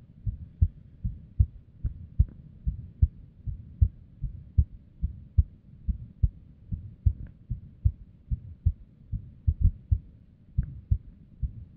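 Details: Female heart recorded at rest. Low thumps around 75 a minute with uneven spacing, an irregular rhythm with various arrhythmia and abnormal beats.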